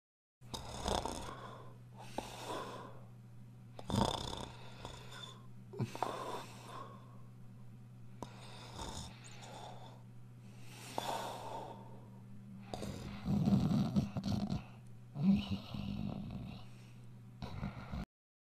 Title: is snoring again